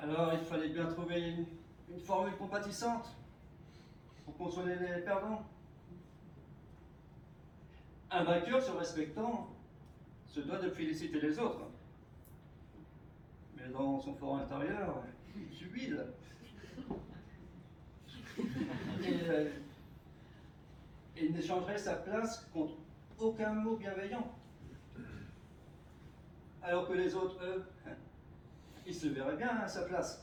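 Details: Presumed contestant who stutters, giving a French stuttering eloquence contest semi-final speech, with frequent pauses between short word groups; stuttering.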